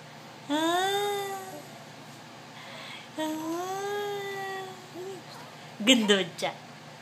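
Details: A child takes two drawn-out rising 'aah' breaths, then lets out short sharp bursts of air: a sneeze after a build-up.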